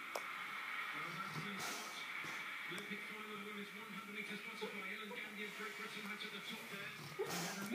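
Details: A sleeping chocolate Labrador, apparently having a bad dream, snores and gives drawn-out, wavering howls and soft whines with faint breathy sounds over low room hum.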